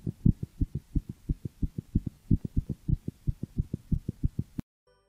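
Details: Calico pet cat's heart heard through a toy stethoscope; fast, steady low thumps at roughly 170 a minute, with heart rate varying with the cat's mental state; normal heart sounds.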